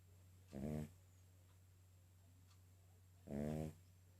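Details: Sleeping King Charles spaniel: two short, rumbling, buzzy snores about three seconds apart over a steady low hum; loud snoring.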